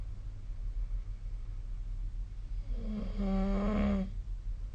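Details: A single low, droning snore lasting about a second rises out of steady room noise during sleep, recorded with the SnoreLab snoring app on 2025/04/06.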